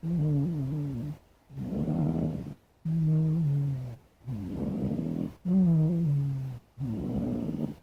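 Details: Black cat snoring while asleep: deep, rattling low snores alternating with noisy breaths in and out, about 12 breath cycles a minute.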